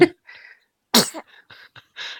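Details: 5-day-old newborn: one sudden, explosive burst through the nose and mouth, with soft sounds before and after; a single sneeze.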